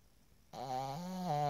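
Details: After a moment of quiet, a single long, tonal, whistling snore from a sleeping pug, recorded April 2015.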